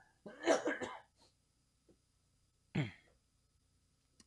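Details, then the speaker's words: Adult male singing teacher still getting over COVID coughs during a live session. "finally before we get into your questions excuse my cough"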